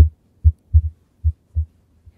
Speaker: Megan I actually have a mild problem with my mitro valve should we see if the students can hear it